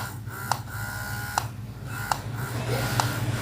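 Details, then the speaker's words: Bumbee Collection electric breast pump running on lowered power: soft low motor hum with light clicks under a second apart, fairly quiet. "Untuk suaranya sendiri bisa teman-teman dengerin, ini nggak terlalu berisik ya menurut aku. Apalagi kalau misalkan kita turunin powernya. Dia jauh lebih ringan suaranya."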